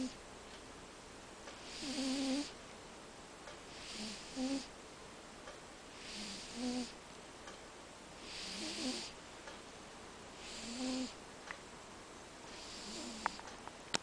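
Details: Sleeping cat snoring: soft, regular snores with a slight whistle, about six breaths in 14 seconds, roughly 26 a minute, over quiet room hiss.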